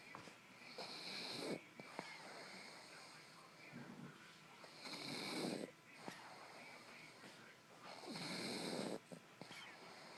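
A dog's rhythmic wheezy, snorting snores, about 18 breaths a minute, with soft clicks between.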